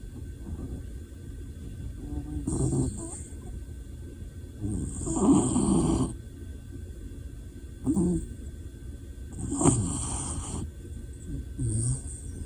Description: Dog snoring loudly.